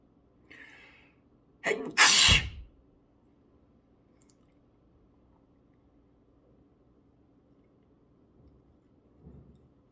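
A brief indrawn breath, then one loud explosive sneeze in a quiet room, followed by silence.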